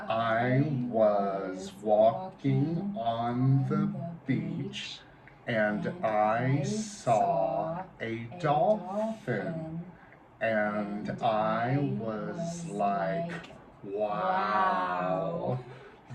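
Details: Adult presenter, with a second voice following along; typical speech.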